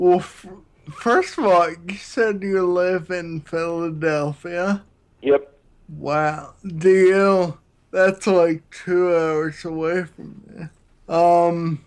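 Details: 33-year-old man with Friedreich's ataxia, a neurological disease affecting balance and coordination, diagnosed at 16 and using a wheelchair since about 19; it also affects his speech; ataxic dysarthria (Friedreich's ataxia).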